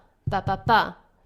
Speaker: s3 happens right at the beginning of diastole so as soon as the aortic valve closes and the ventricles start to fill up